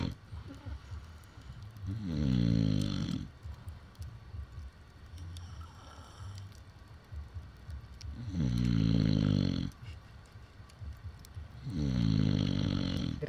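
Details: Man who suddenly fell asleep outdoors at Vysokinskoe Lake, filmed by a campfire on 15 August 2015: loud rattling snores on each in-breath, about every 3–5 seconds, with quieter breathing between them; snoring.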